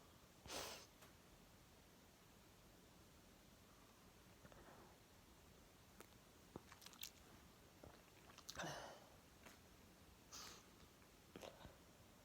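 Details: Adult whose chronic cough has recurred every year for five years, lasting 6 to 9 months each time, and is milder this year since starting Fosters; a few short, quiet, spaced cough bursts.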